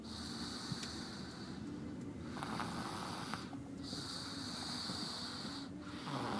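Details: Noisy, snorting breaths with a whistling edge over background noise, recorded November 2011: snoring.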